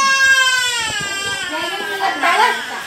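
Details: 9-month-old baby crying after an injection: loud, sustained cry with falling pitch, breaking into sobbing; an ordinary pain cry.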